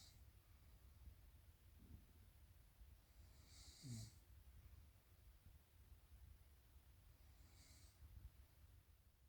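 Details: Quiet breathing over low room rumble, with one short snorting snore partway through and a softer breathy snore later: snoring.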